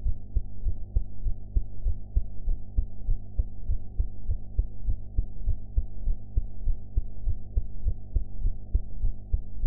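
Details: Heart sounds recorded after eating, sound quality enhanced; regular low heartbeat thumps at about 100 a minute over a steady hum, a fairly quick heartbeat.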